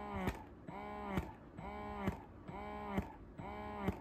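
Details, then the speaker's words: Spectra 9+ electric breast pump in massage mode, described as super silent: quiet rhythmic motor hum with a soft click about once a second. "Jadi kalau misalnya pompa malam hari nih di samping anak yang tidur itu nggak takut anaknya kebangun karena suaranya yang super silent ini adalah suara untuk pompa asi Spectra ini mode massage"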